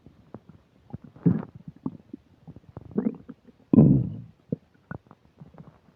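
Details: Stomach sounds while eating a burger and fish fries, described as upset digestion: irregular low gurgles, pops and squelches with longer rumbling surges; loud borborygmi during active digestion.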